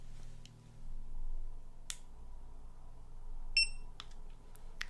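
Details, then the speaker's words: Single short electronic beep as a pulse oximeter is switched on for a fingertip reading, with soft clicks and handling, during a simulated ASMR medical exam; reading later shows 95% saturation, pulse 74–83. "so I'm going to pop this on your finger I'm going to turn it on okay it will make a beeping sound just hold your finger out like"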